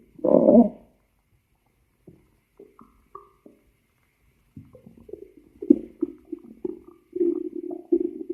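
A gurgle, a few soft squeaks and pops, then a drawn-out low rumbling growl; ordinary stomach growling.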